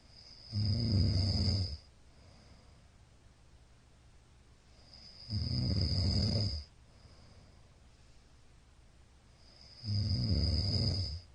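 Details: Middle-aged man snoring in sleep, recorded 15 Feb 2022: regular deep rattling snores every four to five seconds with quiet gaps.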